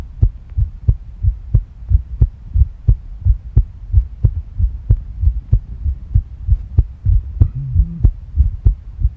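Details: Tachycardia, a fast heart rate: quick, regular heartbeat at about 90 beats a minute, recorded with stomach sounds, with a brief stomach gurgle near the end.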